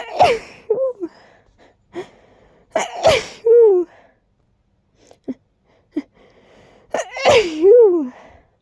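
Three loud sneezes, each preceded by catching, gasping in-breaths, in a quiet room.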